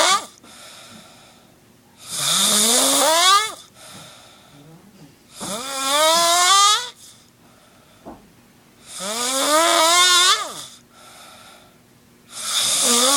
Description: Hahahaha I was bored and I heard some 1 snoring